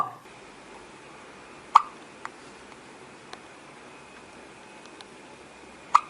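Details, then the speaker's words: Baby hiccups: two short, sharp hiccup sounds about four seconds apart over quiet room noise. "Oh, you got the hiccups? You got the hiccups, buddy? Does it hurt?"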